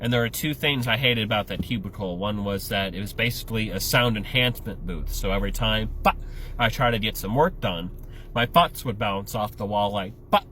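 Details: Adult male comedian with Tourette syndrome: vocal tics (Tourette syndrome).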